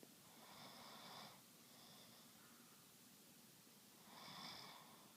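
Two breathy, rattling snores a few seconds apart against steady room hiss; snoring during sleep.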